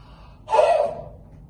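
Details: Single open-mouthed forced expiration (huff), demonstrated as the final stage of the active cycle of breathing technique, an airway clearance exercise used in bronchiectasis, COPD, CF and chest infections.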